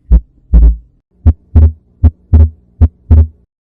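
Regular heartbeat near 80 a minute; in some beats the second sound breaks into two close parts, a normal physiological split S2.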